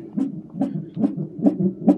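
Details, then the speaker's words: Rapid, regular whooshing fetal heartbeat on a Doppler monitor at roughly 140 beats a minute, recorded in hospital during labour shortly before admission to labour and delivery; fetal heartbeat. "can you hear that that's your heartbeat actually"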